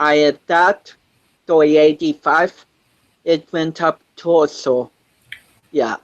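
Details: 25-year-old man with cerebral palsy since birth, which he says affects his balance, coordination and speech; doctors said he would never walk, and he is now a powerlifter; dysarthria associated with cerebral palsy.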